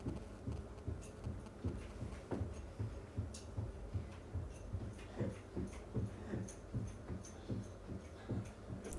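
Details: Normal heart sounds of a student, recorded by an iPhone stethoscope app held on the exposed chest between the ribs and shown as a spectrogram: very low-frequency, steady paired thumps at about 78 beats a minute.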